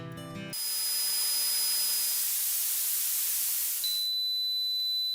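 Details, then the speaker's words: Simulated tinnitus: a brief burst of music gives way to a loud hiss with steady high-pitched tones, imitating the ear ringing that can follow a loud concert, stadium or party and sometimes persists as a problem. "probablemente hayas oído este sonido después de un concierto luego de ir al estadio o en una fiesta con música alta y aunque lo común Es que luego de un rato este sonido te abandone hay veces que persiste y se transforma en un problema"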